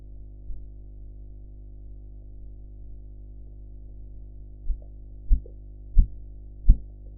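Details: Korotkoff sounds heard during a blood pressure measurement practice recording with a sphygmomanometer, enhanced audio, including some background noise to distinguish from the real sounds.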